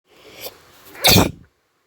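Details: Induced sneeze: a soft indrawn breath, then one loud explosive sneeze burst; a single sneeze.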